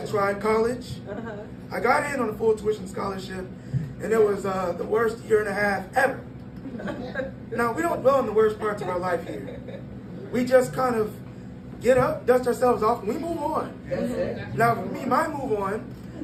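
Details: 22-year-old man born prematurely at about one pound, vocal cords still developing as he grew and still not closing all the way; breathy dysphonia.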